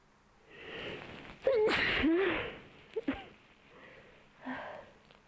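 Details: Dog sneezing repeatedly after having its nose cleaned: quick sniffs and a few sharp nasal bursts with squeaky whines.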